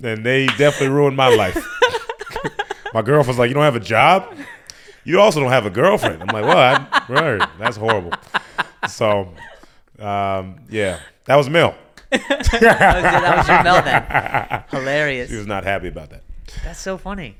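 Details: Adult male speakers in conversation; typical speech.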